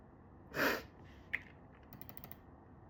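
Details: Mostly stifled sneezes held back with a closed mouth: short muffled hissing bursts of air followed by a faint catch of breath.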